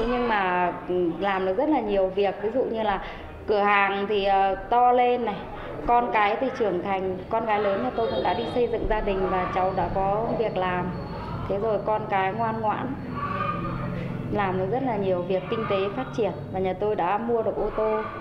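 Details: Adult woman speaking Vietnamese; ordinary speech.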